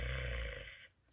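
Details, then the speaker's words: Imitated rhonchi, a brief low, rough rattling rumble, voiced to teach home stethoscope listening with the diaphragm on the chest for telemedicine; it suggests fluid or secretions in the lung airways. "the next thing is the thing called rhonchi and that sounds sort of like what I would refer to as a rattle and it's sort of like sounding like"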